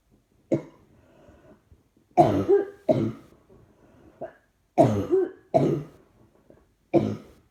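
About six dry, harsh coughs in quick bursts, some doubled, with soft breaths and throat sounds between. A persistent bout of coughing.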